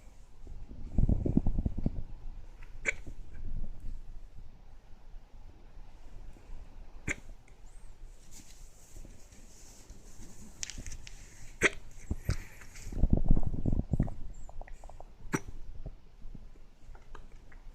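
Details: Recurring hiccups: brief sharp hiccup sounds at irregular intervals a few seconds apart, with some low rumbling noise between them.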